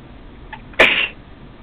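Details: A faint catch of breath, then one sharp, hissing burst: a single sneeze, one of several that day.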